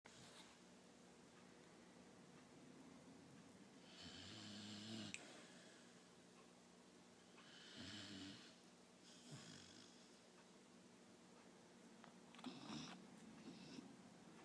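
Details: Sleeper with tongue sticking out gives soft, irregular snuffling snores over quiet room noise, a few breaths in fourteen seconds; light snoring.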